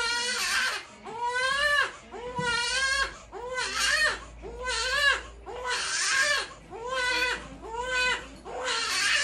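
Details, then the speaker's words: Two-week-old baby boy: rhythmic bursts of newborn crying, about one cry a second, each rising and falling, with brief breaths between. "Ayan na umiiyak ka na gusto makita ng Daddy"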